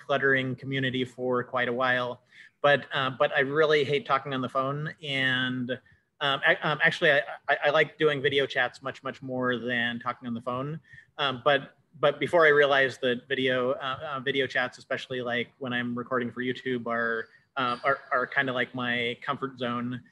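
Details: Cluttering in an adult male interviewer who says he has cluttering.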